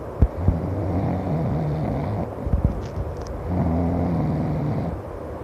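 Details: Loud, low rumbling snores on two breaths with a buzzing, purr-like vibration and a pause between, from a person napping in a hammock outside; snoring.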